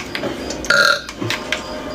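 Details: A man drinking beer gives a short, loud, throaty belch with a rumbling voiced quality, from a compilation of his burps. Ordinary burping.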